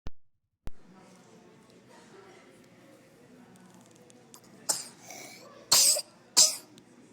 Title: Coughing at ER